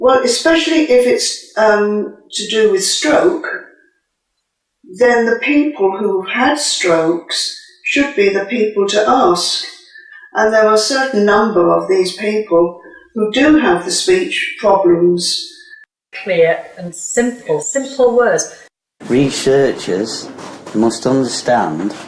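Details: Adult speaker; no speech disorder.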